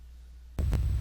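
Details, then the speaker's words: Teaching demonstration of a holosystolic regurgitant murmur (mitral or tricuspid regurgitation) lasting all of systole: after a short silence, a low S1 runs straight into a steady whooshing murmur with no gap. "so as you can hear both be mitral and tricuspid murmurs are holocystolic murmurs that occur the entire duration of systole"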